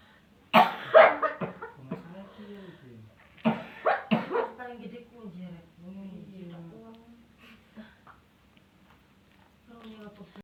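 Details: Harsh bursts of coughing with retching, gagging and a strained voice between them from an adult woman. She coughs at once when touched, after two years of unsuccessful treatment, and this is attributed to black magic.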